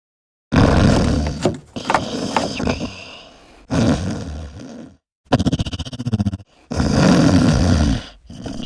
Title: Snoring Husband